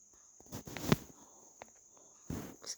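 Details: Soft scraping, clicking bursts from a ringneck parakeet grinding its beak, with a steady high insect-like hum behind.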